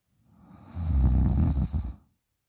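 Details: 20-year-old girl asleep, snoring really loud: a single loud, deep, vibrating snore lasting about two seconds; heavy snoring.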